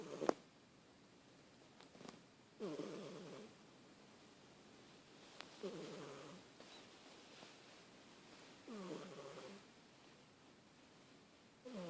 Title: Snoring fat cat!!